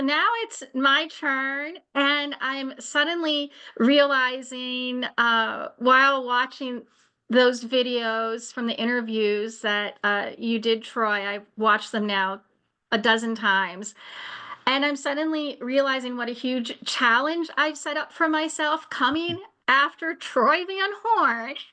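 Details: Adult woman speaking; normal speech.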